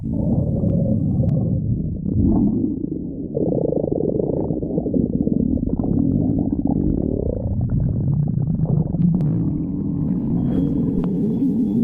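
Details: Continuous low gurgling and rumbling stomach growling with rising, groaning tones and bubbly crackles throughout; ordinary borborygmi.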